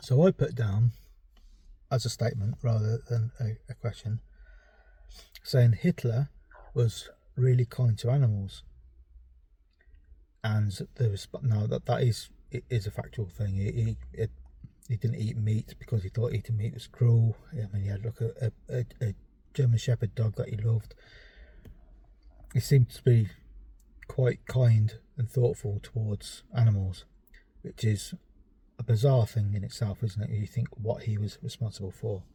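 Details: 43-year-old male with a self-reported stammer that began only in the last few years (adult onset); stammering.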